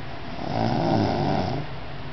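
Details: The recorder's nephew asleep: a single long, low, rumbling snore on one breath with a rattling vibration through the middle, against quiet room noise; snoring.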